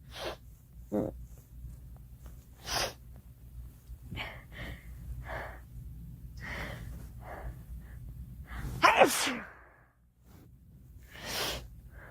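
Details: A girl sneezing: several short sharp bursts of air with quieter breaths and sniffs between, over low room hum; repeated sneezing.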